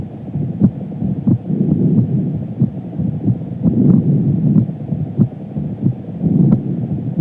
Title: Female visible pulse with heartbeat sound